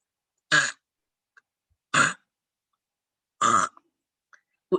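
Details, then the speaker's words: Imitated endotracheal tube cuff leak: repeated short gurgling, burp-like gushes of air escaping around the tube with each breath; adding air to the cuff stops the sound. "all you got to do is put a little bit more air in your cuff and that sound goes away and that means now there's no air going around your out of your trachea"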